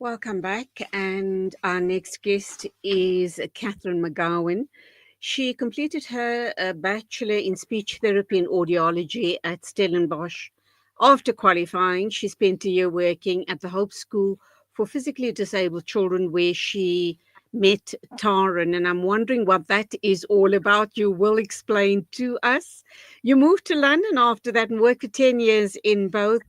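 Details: Adult woman speaking; normal fluent speech.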